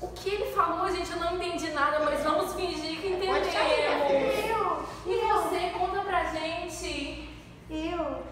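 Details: Adult woman speaking Portuguese; normal speech.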